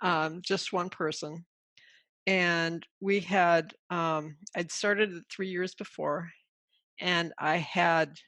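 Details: Adult woman with aphasia after a stroke caused by a carotid artery dissection; aphasia.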